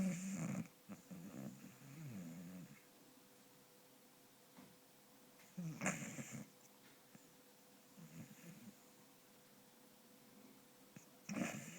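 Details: 4-year-old beagle snoring while asleep and dreaming: soft, rattling snores in slow, uneven bursts about every five seconds, with quiet gaps between.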